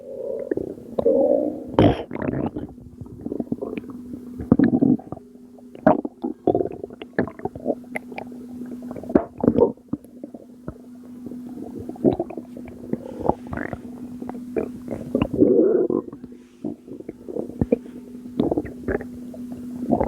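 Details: Bowel sounds recorded from a postpartum mother's abdomen at 2am, stomach still not going down: repeated bubbly gurgles and rumbles, loud and soft, throughout; gurgling bowel sounds.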